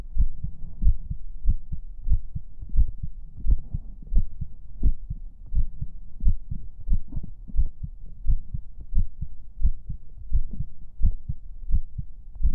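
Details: Heartbeat in an ASMR stream recorded with a 3Dio binaural microphone: steady low thumping at about 90 beats a minute, with a soft hum underneath.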